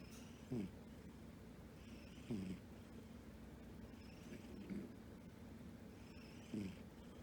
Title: Funny Cat Snoring | Elio and Pretzel